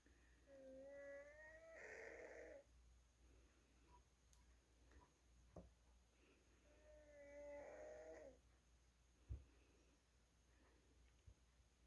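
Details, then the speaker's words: Congested, noisy breathing, resulting from cancer: two slow breaths with a whistling, snoring-like rattle on each, in a quiet room. "He sounds so congested. I love you. Listen to how he's breathing."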